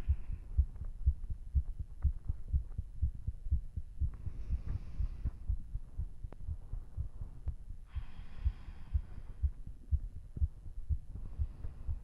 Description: After a vigorous workout, my heart is booming in my chest, both visibly and audibly.